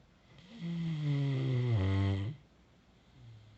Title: Thought wife was snoring... Nope the dog is!